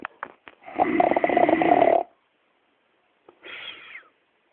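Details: Snoring: a loud rattling snore on one in-breath, then a short whistling out-breath, preceded by a few soft clicks.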